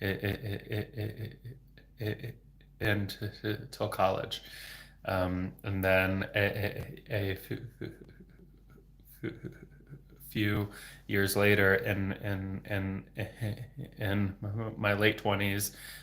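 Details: Adult male speech-language pathologist who has stuttered since age 8 (26 years), speaking without fluency techniques, with sound, word and phrase repetitions and blocks; stuttering.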